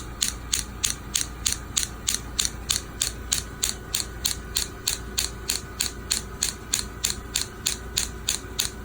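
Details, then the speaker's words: Rapid, very regular sharp clicking pulses, about three a second, over a steady hum; a radial shockwave therapy handpiece firing through gel, energy turned up, treating heel pain at a podiatry clinic. "the gel is really important for a lot of reasons right these are these are acoustic waves and the more gel the better it is"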